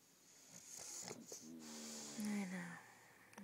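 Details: Bulldog napping in another dog's tent, possibly just woken and told to go back to sleep; snorting snoring breaths with a brief whistling, whine-like tone in a quiet room.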